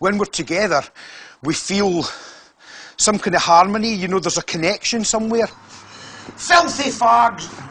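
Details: Man with Tourette syndrome speaking with involuntary vocal tics interjected, including obscene words (coprolalia); Tourette syndrome vocal tics.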